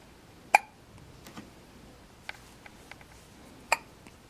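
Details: 4-day-old newborn boy with hiccups: two short, sharp hiccups about three seconds apart in a quiet room, with faint small sounds between.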